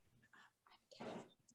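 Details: Aphonia, whispered speech: adult woman who says she has lost her voice.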